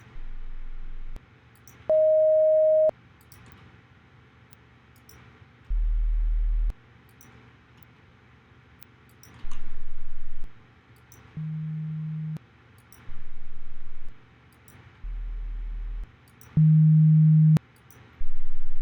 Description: Recording of hearing test for Human Computer Interaction.